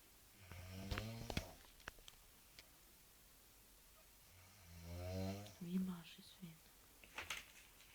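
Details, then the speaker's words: Sleeping girl, said to be genuine, not staged; two loud, rough, rattling inspiratory snores with quiet whispered talk nearby: heavy snoring. "При просмотре этого видео все будут думать, что мы издеваемся на девочку, которая просто спит, подобрав какой-то храб безумный. Но это не так."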